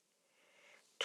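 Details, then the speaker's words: A faint indrawn breath builds, then a single sudden, sharp sneeze, from a person who recently had allergy shots. "yeah sorry for like sneezing I I just got allergy shots like not that long ago"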